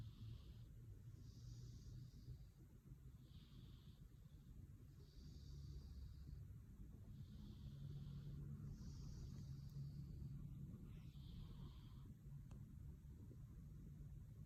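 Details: Quiet, regular breathing with a faint, hissy whistle on each breath from a cat recovering from a chest cold treated with azithromycin: wheezing.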